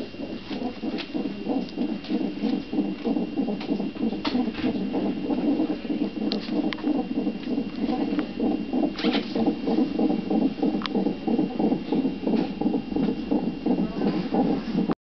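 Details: CTG Doppler fetal heartbeat recorded just before birth: rapid, steady whooshing at about 190 beats per minute, faster than the usual fetal range; fetal tachycardia.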